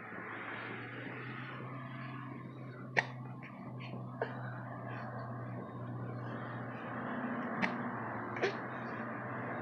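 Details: 3-month-old infant boy with hiccups: four brief, sharp hiccups at irregular intervals over a steady low engine-like hum; ordinary hiccups.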